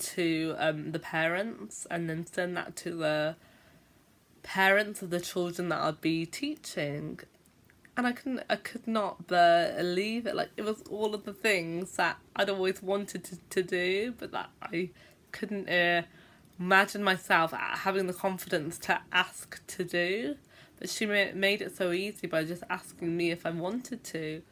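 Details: Stuttering (stammering) in an adult woman who is a teacher and reports having a stammer with sometimes long blocks; a filler and repeated words are present.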